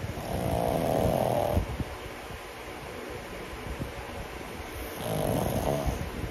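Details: Loud, rattling snores, two in about six seconds, with quieter snuffling breaths between, from a sleeping 10-month-old pug: snoring.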